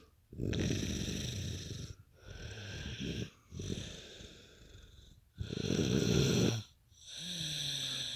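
Loud, rough snoring breaths with harsh rattling on the inward breath and quieter outward breaths, heard over several cycles.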